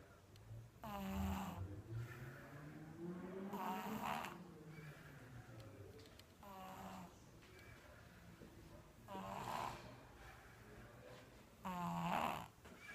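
Soft, regular snoring breaths from a sleeping baby, about one every three seconds, with a faint buzzing tone on each breath in.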